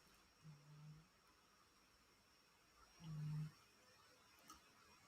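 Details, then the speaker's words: Two soft, low rumbling snores about three seconds apart from a sleeping cat, over faint room hum. "now there'll be a video about me farting in the kitchen it'll be my cat snoring"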